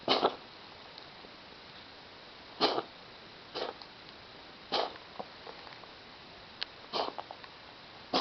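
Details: 10-year-old ragdoll cat coughing only at night, several times a night, starting about a week ago, no food or litter changes: five or six short, dry, hacking bursts in a small quiet room; cough.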